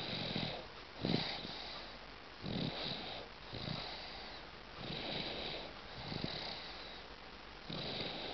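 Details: Sleeping 8-month-old baby: soft, rhythmic snoring at about 24 breaths a minute, with a rough fluttering noise on each breath and a faint hiss between breaths.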